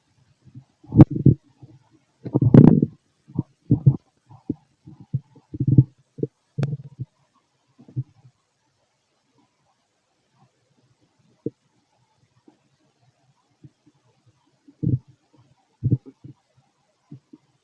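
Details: Male stomach noises while digesting food: irregular gurgles and rumbles in bursts with quiet gaps, normal bowel sounds (borborygmi).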